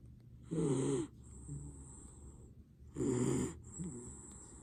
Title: Snoring Mini Dacshund - Shadow